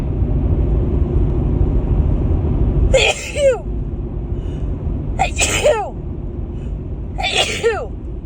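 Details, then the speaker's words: Female with a dust allergy sneezing in a car in the morning: three sharp sneezes, each with a voiced 'ah' onset, over steady car noise; she says she can't stop sneezing and her nose tickles. "oh I just can't stop sneezing this morning I think I should sneeze again"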